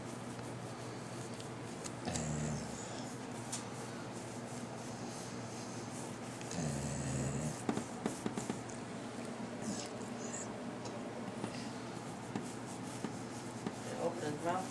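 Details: Sleeping black Labrador dog: two low, rough snoring breaths with quiet room noise between them; snoring.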